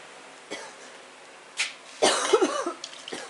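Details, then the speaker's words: About four dry, forceful coughs from a woman (camera operator) getting over the flu, the last a longer, rougher fit. "ar the camera girl coughing we're getting over we're getting over the flu Bob you know um I'm just I'm I'm a I'm a day or two ahead of the camera girl cough it up honey cough it up don't worry about it cough it up get it out"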